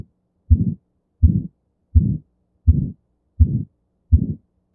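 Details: Aortic stenosis: a regular heartbeat at about 83 a minute, each beat carrying a rough, harsh systolic murmur.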